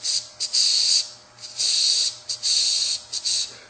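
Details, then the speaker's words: Vocal imitation of mixed mitral valve disease with atrial fibrillation: long hissing murmurs with short clicks, irregularly spaced. "and you could have a mixed mital disease which sounds like and if you have Atri fibrillation it can make make it difficult"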